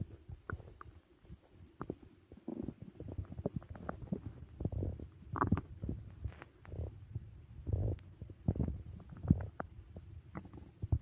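Irregular low gurgles and rumbles come and go throughout, the ordinary stomach growling of active digestion after a large meal.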